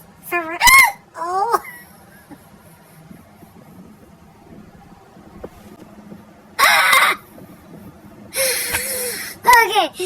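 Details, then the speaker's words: An adult with a bout of hiccups: several abrupt, squeaky voiced gulps with quiet gaps between them. "but every time I get the hiccups I try to video"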